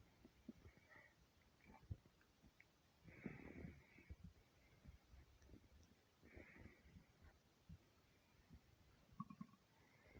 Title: empty stomach rumbles 300 sub special!